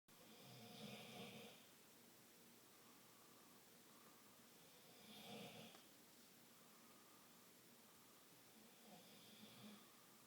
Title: Jello snoring